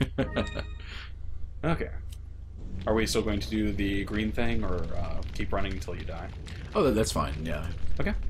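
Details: Adult male speaker; normal speech.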